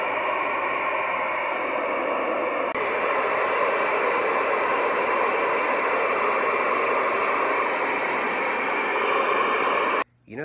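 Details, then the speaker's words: VibraLung acoustic airway clearance device on its random noise (white noise) setting: a loud, steady static-like hiss for about ten seconds, then an abrupt stop; the setting is meant to relax and open the lungs. "you're supposed to use the random noise aka white noise setting and that is supposed to ease the ease the long wall kind of open you up relax"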